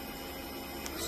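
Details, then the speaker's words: GROWNSY electric baby nasal aspirator switched on and stepped through suction speeds one to three: quiet, steady motor hum. "It's got three different functions. I'm going to turn it on. Now, it's got speed one. You could turn the speed up, speed two,"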